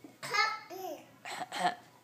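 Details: Young boy asked to cough after sneezing on request: two short voiced coughs with a brief vocal sound between them. A prompted cough.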